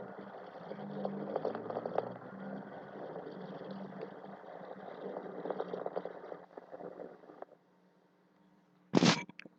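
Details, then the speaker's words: Low-pitched bubbling pops over breath sounds on lung auscultation, coarse crackles (crepitantes gruesos), e.g. as in pulmonary fibrosis. "fueron los crepitantes gruesos por ejemplo en fibrosis pulmonar"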